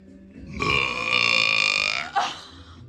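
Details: One long, loud, drawn-out belch of about a second and a half, ending in a short catch; burping.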